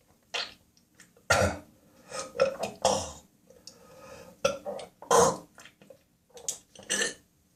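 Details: Coughing spasm at 4 a.m., recorded on a smartphone in the bathroom with gagging and spitting: an adult's harsh, irregular coughing fit broken by throaty gagging and retching, brief pauses between bursts.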